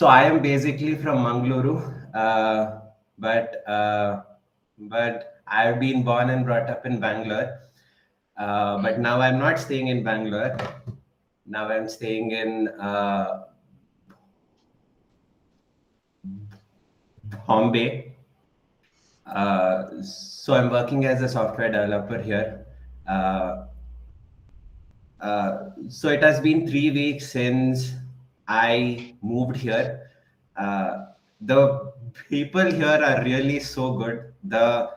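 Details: Adult man in a stammering self-help group who says he stammers; real speech showing stuttering.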